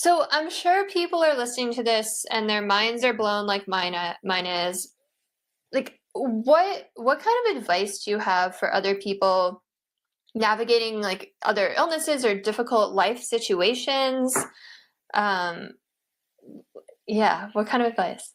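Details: Adult woman speaking; normal speech.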